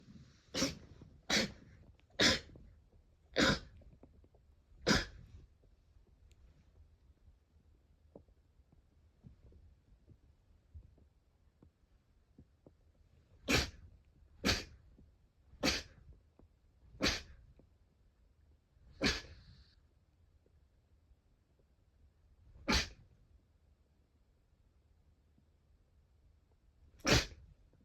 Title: sneeze 115